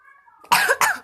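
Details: A child coughs while playing: two quick, harsh cough bursts, a brief ordinary cough.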